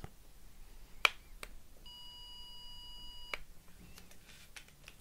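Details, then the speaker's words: Simulated hearing-test roleplay (ASMR): a steady pure beep about 1.5 seconds long, during decreasing-volume testing of one ear, in a quiet room; pure-tone audiometry test tone. "Okay, let me try one more stimuli at 1000 Hz, please."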